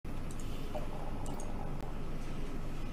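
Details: Stomach growling: a low, rolling gurgle with soft liquid squishes; stomach growling (borborygmi).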